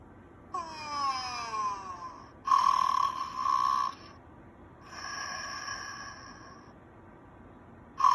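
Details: Simulated snoring from an electronic teddy bear toy: a whistling tone followed by buzzy, drawn-out breath-like sounds: snoring.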